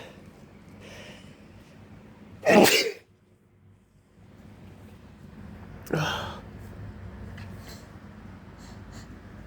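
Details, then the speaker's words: Male just home from a gym workout in spring, breathing heavily with itchy nose, suspects plants outdoors: two loud explosive sneezes a few seconds apart, quiet breathing and room noise between; sneezing. "My nose is itching because breathing heavy because I just got done working out."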